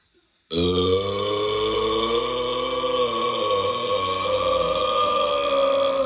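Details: Deliberate burp challenge after drinking mineral water: one very long, loud, sustained voiced burp with a droning, tonal quality lasting over five seconds; prolonged belch.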